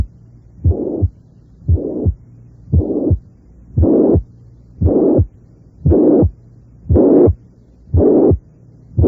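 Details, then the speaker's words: Mitral regurgitation: a loud holosystolic murmur at the apex that grows harsh as intensity increases; regular heartbeat about 58 per minute. "sin su intensidad aumenta el soplo tiende a volverse algo áspero esto ocurre esencialmente con todos los soplos"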